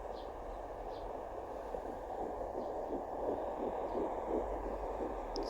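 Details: Early fetal heartbeat at 8 weeks 2 days of pregnancy on a home fetal Doppler: rapid, soft whooshing pulses, about 170 a minute, under steady static.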